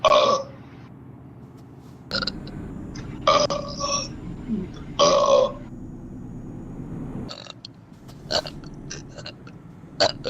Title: truckersmp burping contest